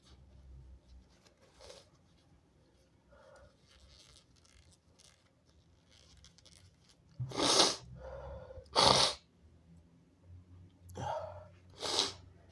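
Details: Sick nonbinary person: several loud, harsh sneezes, some with a short wind-up breath, in a quiet room; sneezing.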